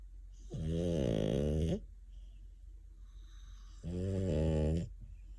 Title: Funny French Bulldogs - Snoring Compilation